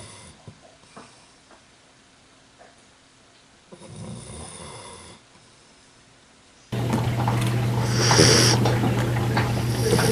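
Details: A soft snore amid quiet breathing, then a much louder, noisier stretch, possibly a second recording, from a sleeping golden retriever puppy (female) said to snore like her grandfather; snoring.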